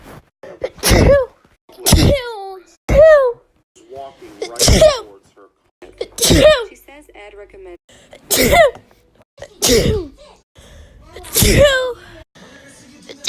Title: 32 seconds of me sneezing